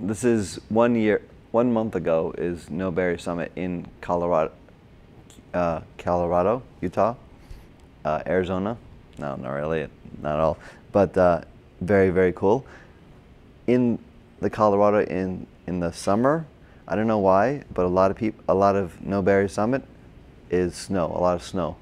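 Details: Adult man with Broca's aphasia and word-finding difficulty from a stroke during heart surgery in 2007, about 10 years earlier; hospitalized two months, then OT, PT and speech therapy.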